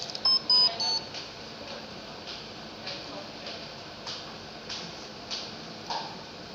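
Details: A few short electronic beeps, then soft regular puffs of airflow as a BiPAP ventilator starts ventilating a test lung in S/T mode with a backup rate of 12.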